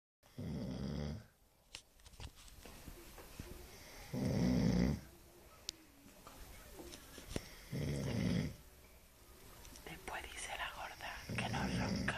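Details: Man asleep, whom bystanders say has been drinking, snoring: loud, rough, low snores about every three and a half seconds, with quiet laughter and room noise between them.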